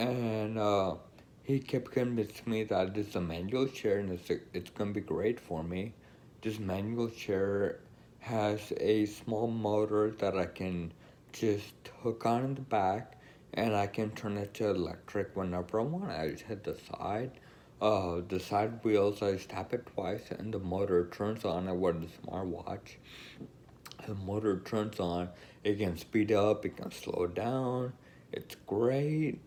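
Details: Woman with Friedreich's ataxia who uses an electric wheelchair; speech not described; dysarthria in Friedreich's ataxia.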